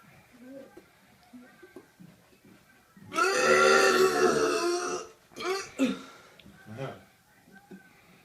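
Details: One long, loud belch lasting about two seconds, followed by shorter burp-like sounds against quiet room noise; ordinary burping.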